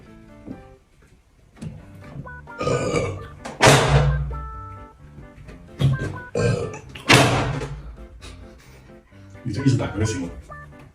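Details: About two loud, rough belches over background music and talk during a challenge to drink Coke without burping: ordinary burps after drinking.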